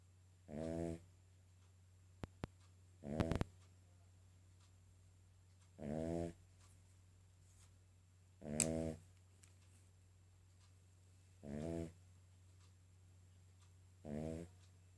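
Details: Sleeping King Charles spaniel with loud, rhythmic, low rattling snores at about 12 per minute over steady room hum; snoring.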